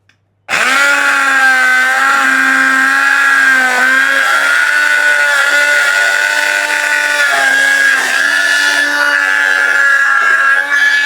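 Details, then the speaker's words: Removing a very hard plaster cast from the leg of a patient who fractured a leg bone falling during training drills: loud, steady high-pitched whine dipping as the blade bites, an oscillating cast saw cutting the cast. "এই প্লাস্টারটি এত বেশি hard. এত বেশি শক্ত যে প্লাস্টারটি সহজে খোলা যায় না। আজকে আমরা একটা মেশিনের মাধ্যমে খুব অল্প সময়ে আমরা এই ড্রিল মেশিনের মাধ্যমে এই আজকে আমরা এই প্লাস্টারটি খুলব।"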